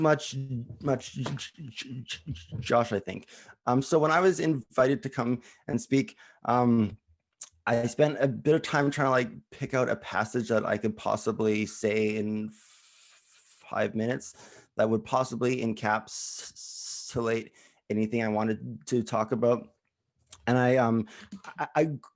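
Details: Stuttering in an adult who stutters, speaking at a live online stuttering event, with frequent hesitations and repetitions.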